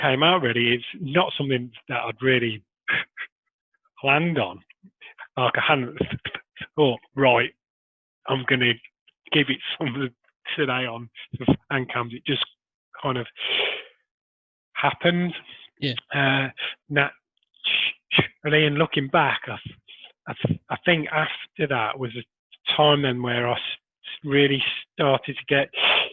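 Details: Adult man who stammers; stuttering.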